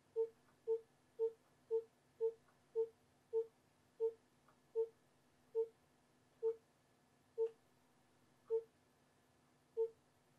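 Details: Educational fetal monitoring rhythm strip: repeated soft electronic beeps with uneven spacing, slowing partway through, averaging around 115 a minute; fetal heart rate monitoring rhythm.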